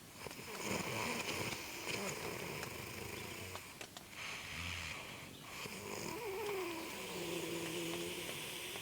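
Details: A brother snores in sleep on a cold morning while camping: rough, rattling breathing noises over a noisy background.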